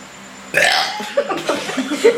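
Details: Deliberate burping shown off as a talent: a loud, drawn-out burp followed by shorter gurgling belches, with the burper visibly sweating from the effort.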